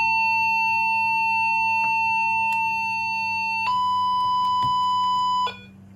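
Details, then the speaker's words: Primedic DefiMonitor EVO defibrillator connected to a simulator/test device, being charged at a 200 J setting: a steady high electronic tone stepping up in pitch, signalling it is charged and ready to shock. "bir evet Yüzyıl verildi Şuan da Cihazımız da verilen ceza miktarı görebiliyoruz test cihazınızda bu işlemde ayıp olun sefer ikiyüzlü ayarlayalım ve iki yüzünü ayarladık şarj ederim ediyoruz"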